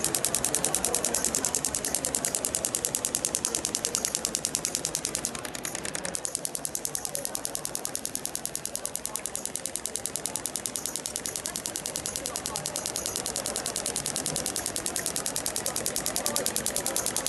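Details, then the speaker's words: Olympic athlete with tight thoracic spine and reduced right-shoulder range of motion, no injury: knuckle shockwave (ESWT) applicator on skin without gel, energy raised to ten; fast, steady mechanical clicking, about 200 pulses a minute. "now we use the knuckle this applicator which is my favorite this can be a bit painful but it should be bearable for you so let me know if you think I should increase or decrease the energy so I'll put the verts up to ten now"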